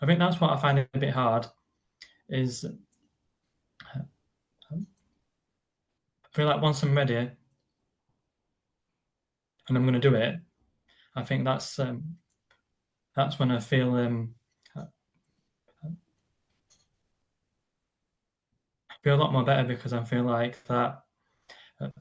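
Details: Stammering (stuttering) in an adult man who describes it as a neurological condition that blocks words from getting out, on any word; silences occur while he is blocked.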